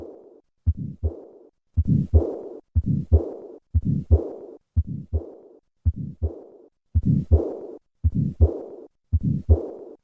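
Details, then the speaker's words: Pulmonic stenosis with pulmonic regurgitation recorded at the second left intercostal space: regular heart sounds near 55 a minute with a harsh systolic murmur and a softer diastolic murmur. "pulmonic stenosis and pulmonic regurgitation recorded at the second left intercostal [Music] space"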